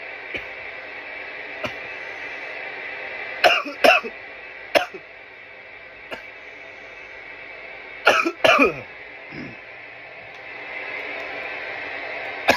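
Two harsh bursts of repeated coughing over steady room hum, an irritant cough fit after inhaling smoke.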